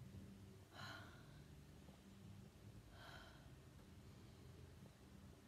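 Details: Two short nasal snorts or sniffs about two seconds apart over a steady low hum, from a person who sprayed scented multi-surface cleaner near the nose trying to provoke a sneeze; snorting.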